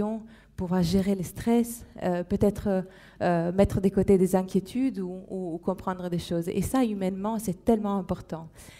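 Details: Adult woman speaking French; Normal speech.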